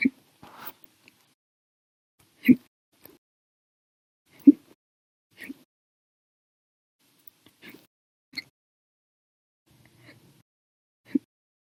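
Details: Hiccup bout lasting 13 hours 34 minutes after meals and a cup of soda after dinner: short, abrupt gulping hiccups, about 30 a minute at uneven intervals, some loud and some faint.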